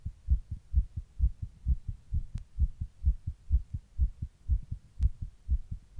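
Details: Own heart recorded while sitting in 100-degree heat during a heatwave: regular, rapid low heart thumps about 130 beats a minute; tachycardia.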